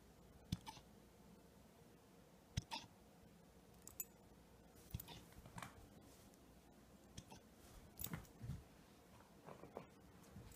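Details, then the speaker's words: Female husky puppy aged about 4–5 months with hiccups, filmed on a phone: brief sharp low hiccup jerks every couple of seconds in a quiet room, soft rustling between them. "The hiccups? Oh. Look at the hiccups."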